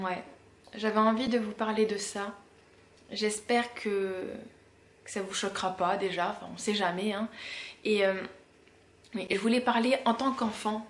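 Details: 32-year-old woman who has stuttered since about age 4–6, worse when tired, rushed or emotional; stuttering.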